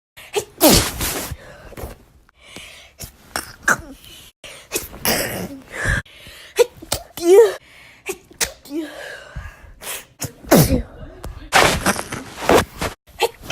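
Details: Sneezing fit lasting about a minute: repeated sharp, explosive sneezes, about six, with gasping in-breaths and brief vocal sounds between them, called a doozy.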